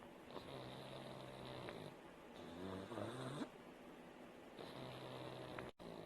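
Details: A sleeping pug snores in repeated low rattling and whistling breaths, with quieter pauses between.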